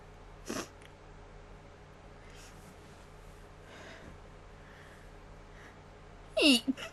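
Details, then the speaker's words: Sneezing, which the person says was induced: quiet room, a faint burst early, then a loud sharp sneeze followed by a short second burst near the end. "um I had fun sneezing for you all"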